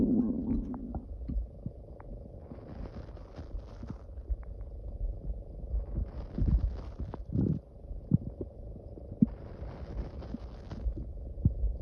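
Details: Low gurgling rumbles and bubbling pops rising and falling over several seconds; loud stomach growling (borborygmi) from gas and fluid moving through the gut.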